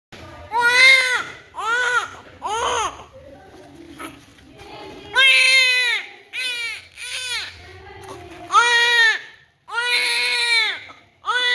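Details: Loud, full-voiced wails from a newborn girl with pauses and faint room talk between them, a normal vigorous cry as vernix cleaning begins.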